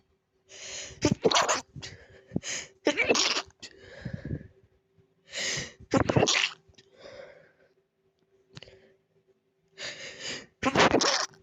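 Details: Repeated breathy sneezes from allergies, each preceded by audible gasping build-up breaths, in a quiet room; sneezing.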